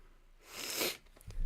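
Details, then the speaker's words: A single sharp, breathy sneeze from an adult who says they are currently sick; it builds quickly and releases in a forceful burst. "Yeah, I am currently sick. So, um that's why I sound like that. I'm going to be sniffling and coughing and sneezing quite a bit this stream."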